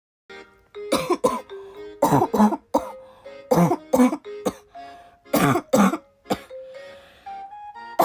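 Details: Girl with persistent cough, apologizing that it won't stop: repeated short coughs and throat clearing in bursts, with soft background music.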